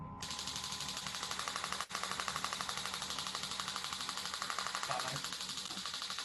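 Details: Radial shockwave device used on upper-limb areas in a practical demonstration session: rapid rattling train of clicks, about three per second, as the device fires during treatment.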